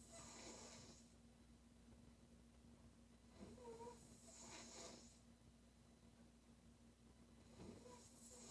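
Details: Woman snoring during sleep: rough, noisy snores recurring every few seconds over a low background hum; loud snoring.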